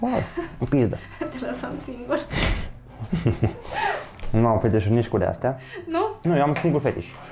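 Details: Man with Tourette syndrome speaking Romanian while cooking with a guest; involuntary obscene words occur mid-speech; Tourette syndrome vocal tics (coprolalia).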